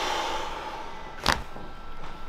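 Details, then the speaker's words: Chiropractic neck adjustment with the head flopped over on a big exhale: a single sharp joint cavitation pop over steady room hum. "I'm going to adjust into your neck in like this so you're going to flop your head over big breath in and blow it out"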